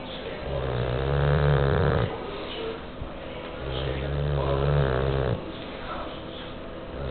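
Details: A bulldog, described as stressed out, snoring: loud, low, rattling snores on each in-breath, with two long snores in seven seconds and softer out-breaths between.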